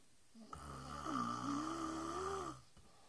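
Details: Sister snoring during sleep: one long, buzzing, somewhat tonal breath of about two seconds between quiet gaps; a single snore.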